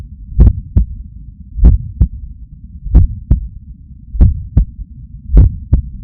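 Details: Clear, steady lub-dub heartbeats at about 48 beats a minute over a low hum, recorded with a Stemoscope stuck to an adult's chest under the shirt on waking stressed, heart pumping hard; heart sounds.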